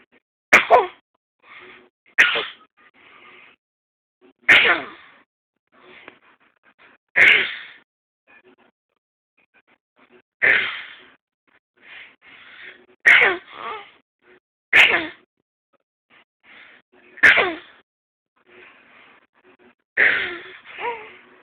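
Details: Voluntary fake cough from a 6-month-old infant trying to stay awake: about nine short, sharp, deliberate coughs, each followed by soft vocal sounds; not illness.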